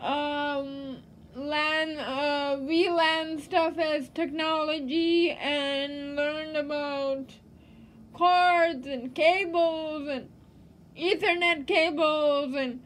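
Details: Woman living with cerebral palsy and a disability, speaking with dysarthria; finding: dysarthria (cerebral palsy).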